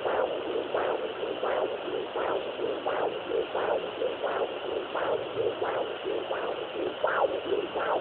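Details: Fetal heartbeat on Doppler: rhythmic whooshing pulses at about 85 a minute over a steady Doppler hiss.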